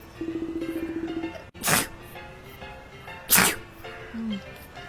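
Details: Japanese female voice actor performing two sharp, explosive acted sneezes, with music underneath; sneezing.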